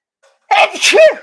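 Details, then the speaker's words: An adult woman senses a sneeze coming, then after a faint catch of breath gives a single sharp, fairly soft sneeze with a brief voiced tail. "Excuse me. I'm like a cartoon sneezer. Only I don't make all that sound."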